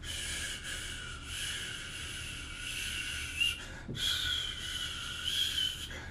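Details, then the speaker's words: Vocal imitation of the continuous murmur of an open patent ductus arteriosus: a steady hissing whoosh with one brief pause. "and if the patent ductus arteriosus is is open then you're going to hear a continuous murmur like"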